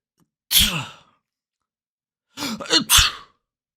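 Two sharp, hissing sneezes, the second preceded by a quick catching inhale.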